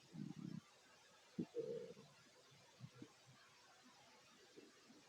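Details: Stomach growling of a fit adult man while eating a plate of sandwiches: low gurgling rumbles in short bursts, then quieter intermittent gurgles; ordinary bowel sounds of digestion.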